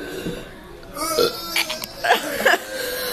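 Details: Burping: two people deliberately belching, with several loud voiced burps in quick succession, talk and background music; one worries something might come up.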